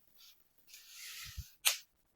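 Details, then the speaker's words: A brief rustle and soft thumps, then one sharp, crisp pop from deliberately bent finger joints: a normal knuckle crack, explained as gas bubbles bursting in synovial fluid and not a cause for concern. "ये यह जो है ना यह आवाज आप देख सकते हो यह आवाज नॉर्मली पॉप साउंड है और हमारे साइनोविल फ्लूइड के बीच में गैस के बुलबुलों की आवाज है। जब ये बुलबुले फूटते हैं तो उस केस में इस तरह की आवाज आती है"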